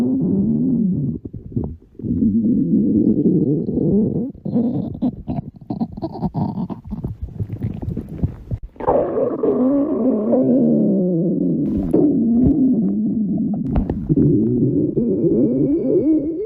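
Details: Loud, long, nearly continuous gurgling and rumbling stomach growls with shifting pitch, recorded when hungry; ordinary hunger-related borborygmi.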